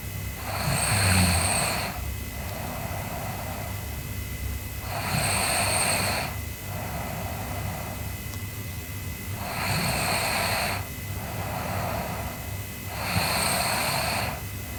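Four loud, rough breathing noises at about 13 a minute, with quieter breaths in between and a steady hum in the background: snoring during sleep.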